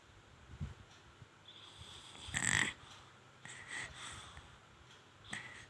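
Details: Infant snoring: soft snorting, rattly breathing noises from a sleeping baby, with one louder snore.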